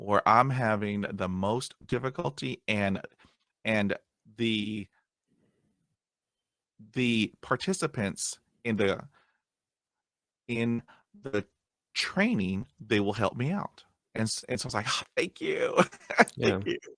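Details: Adult man who stutters, still getting hung up on words after 20 years of speech therapy; stuttering.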